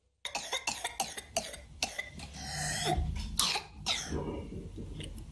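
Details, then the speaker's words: A child's whooping cough: a rapid run of about six coughs on one breath, followed by a long, noisy intake of breath. A mild paroxysm of vaccine-preventable pertussis. "Bu aslında bizim son zamanlarda daha çok görmeye başladığımız boğmaca öksürüğü. Boğmaca aşıyla engellenebilen bir hastalık."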